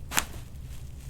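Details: A single brief, sharp crack during a chiropractic neck adjustment with the patient lying face up, neck feeling out on the right and not self-popped for a few days: neck joint cavitation.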